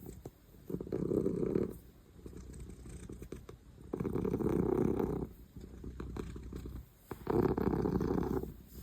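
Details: Cat snoring with its eyes open; snoring.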